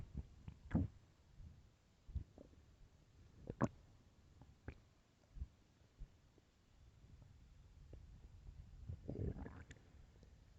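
Irregular low gurgles and rumbling growls over quiet room noise, with a longer rumbling stretch near the end; ordinary stomach growling.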